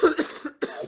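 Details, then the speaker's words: Adult with a cold gives a short run of harsh, hoarse cough bursts, seal-like and barking, with a voice gone deep; barking cough. "I've got a cough that, like, I sound like a barking seal, and my voice has changed to a bass."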